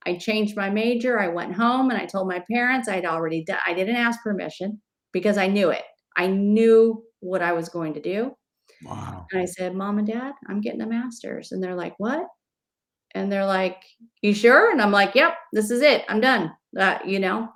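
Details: Adult woman speaking; ordinary speech.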